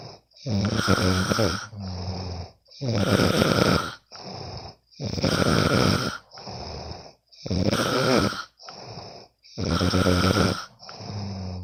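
Loud rattling snores on each in-breath with a softer out-breath, about 13 breaths a minute: ordinary sleep snoring.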